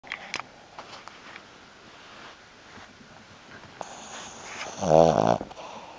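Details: 15-year-old Shih Tzu dog asleep, soft snuffling breaths building to a loud rattling snore near the end; snoring.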